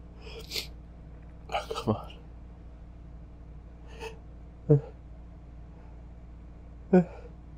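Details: Several sharp catching gasps and snorts, with nothing that ever builds into a full release; an obnoxiously stuck sneeze that stalls before it comes.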